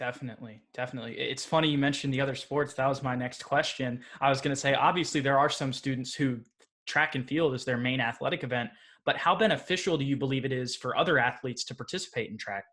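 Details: Adult male speaker; normal speech.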